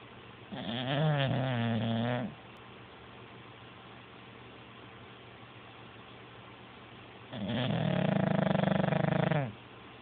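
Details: Two long, rumbling, rattly breaths, about two seconds each, separated by quiet breathing over steady hiss, from a sleeping bulldog; snoring.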